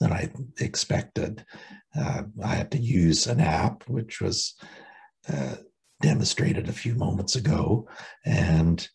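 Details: Unilateral left vocal cord paralysis in an adult, permanent after loss of the left recurrent laryngeal nerve during removal of a stage 4b anaplastic thyroid cancer in October 2019; recorded after vocal cord injection medialization, little change reported, with occasional pitch changes.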